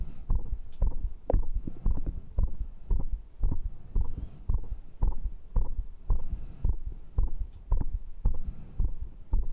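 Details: Person's own heart after the final workout round of dips, abs, diagonal pull-ups and arm curls, with heart rate reported at 132: regular, rapid thumping heartbeat, a normal raised rate after exercise.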